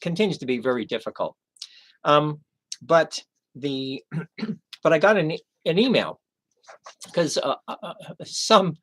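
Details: Aphasia in a male after a stroke 11 years earlier, treated with 15 hours of formal speech therapy.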